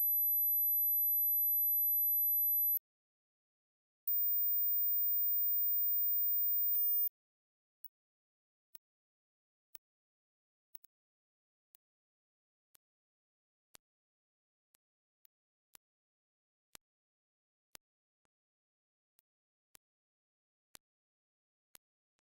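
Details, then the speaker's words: Hearing test tones: two steady high-pitched tones, the second higher, then silence with faint clicks; hearing this frequency means healthy hearing, and high pitches are lost with ageing. "Гаразд, якщо ви чуєте цю частоту, ви здорові та не маєте вад слуху."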